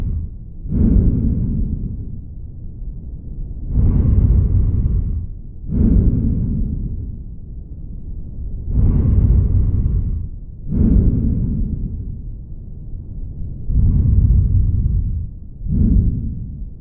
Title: Lung Sound